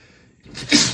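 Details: Single sharp sneeze rising from a quiet breath-in, part of a post-shower sneezing fit in an adult, possibly male, whose allergies flared from hotel soap fragrance; sneeze.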